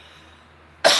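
A single sharp dry cough bursts out at the end of a quiet stretch.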